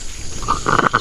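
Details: Aseel rooster with respiratory rattle, eyes watering, being given an oral home remedy: short wet, gurgling throat sounds from phlegm in the airway.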